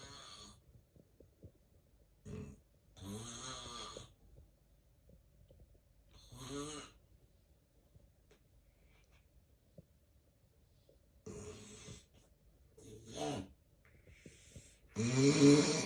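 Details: Real, unplanned daytime nap of a person who reports getting extremely sleepy during the day: loud irregular snores and heavy breathing separated by silent apnea pauses of several seconds, then a loud gasping snore; snoring with breathing pauses.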